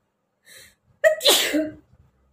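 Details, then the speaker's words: Sneezing challenge by a person with a cold, sneezing frequently for 2–3 days, with watering eyes: a short indrawn breath, then one sharp, explosive sneeze. "তো আজকে অনেকগুলোই কিন্তু হ্যাচ্ছো হলো, অনেকগুলোই হয়েছে।"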